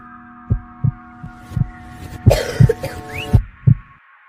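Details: Acted school-project portrayal of a 16-year-old girl with Tourette syndrome having involuntary coughing and whistling tics: repeated short, abrupt cough-like bursts, about seven in four seconds, with a brief whistle; simulated vocal coughing tic.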